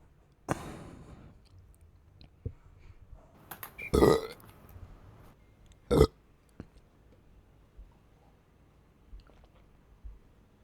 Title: gassy burps while drinking soda